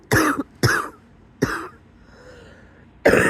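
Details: Wheezy morning cough in bed before getting up: several short, harsh coughs with a faint whistling tone on the breath between them.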